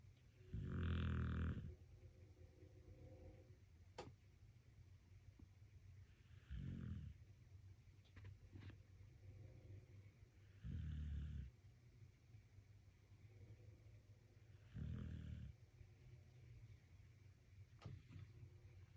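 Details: A sleeping dog snores in four low, rumbling, wheezy bursts, roughly one every four seconds; snoring.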